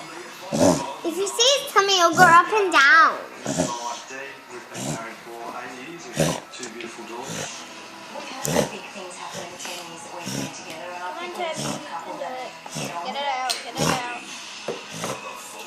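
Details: Dog with 4–5 days of cough, worse in the evening and on early-morning walks, still eating and drinking, no visible throat obstruction; a run of about a dozen harsh, dry hacking coughs with gagging, bringing nothing up.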